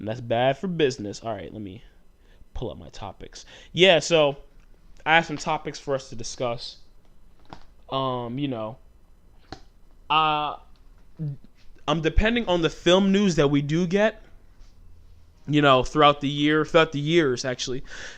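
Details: Adult male with stuttering since childhood; it shows when he talks fast or gets passionate, and he manages it by talking slowly.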